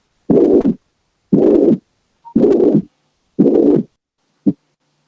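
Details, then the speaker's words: Steady, even, high-pitched bar-shaped holosystolic murmur filling all of systole between S1 and S2 at about 58 beats a minute, heard at the mitral focus, strong intensity; may reflect mitral or tricuspid regurgitation. "a lo largo de toda la sístole pero pues respetando s1 y s2 entonces se puede dar por insuficiencia mitral o tricúspide"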